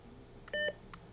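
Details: Philips HeartStart OnSite AED battery-insertion self-test, flashing orange shock button pressed: a single short electronic confirmation beep between soft clicks.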